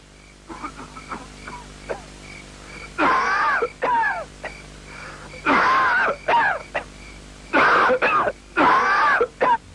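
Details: Acted adult night-time cough from a 1990s Indonesian TV cough-medicine commercial: several harsh, strained bursts in clusters over a quiet background.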